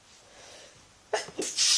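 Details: Someone with a mild cold and sore throat, sneezes induced: a quick in-breath, then two loud sneeze bursts.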